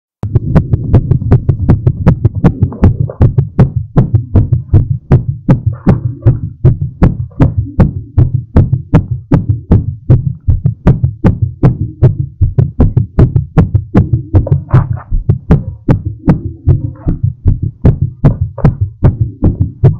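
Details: Fast, regular, strong heartbeat at about 150–160 beats a minute, recorded during recovery after exercise; rapid heartbeat after exercise.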